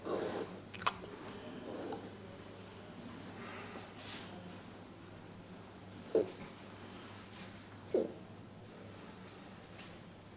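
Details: A nearly 3-month-old giant panda cub at a zoo makes several brief, sharp hiccups at irregular intervals, about four in ten seconds, over quiet room hum: hiccups.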